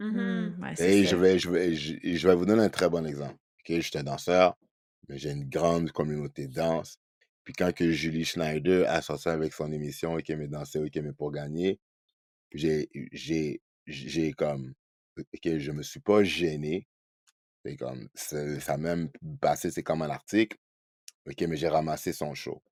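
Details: Adult man who stutters, spokesperson for a Quebec association for children who stutter, speaking French; as a child he rated his stuttering 15 on a scale of ten; stuttering.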